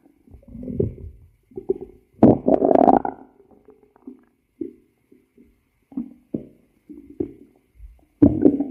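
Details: Irregular low gurgling and rumbling bursts with quiet gaps from a cat's stomach; stomach growling (borborygmi).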